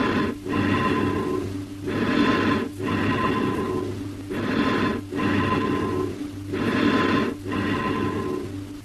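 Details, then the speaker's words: Amphoric breath sounds: hollow, ringing, high-pitched breathing with a metallic, echo-like quality, indicating a large smooth-walled open lung cavity or a pneumothorax communicating with a bronchus that amplifies the vibrations. "Here the large space in the cavity or pneumothorax amplifies the high-pitched vibrations, giving it an echo-like quality. Listen to the amphoric breath sounds and note the echo-like quality."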